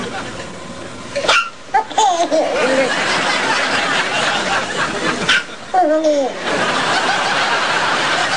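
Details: Baby hiccups: two sharp, abrupt catches of breath several seconds apart, with laughter after each and steady background noise.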